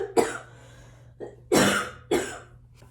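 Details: Adult woman diagnosed with COVID-19, with body aches, a stuffed-up nose and loss of smell: four dry, separate cough bursts over about three seconds.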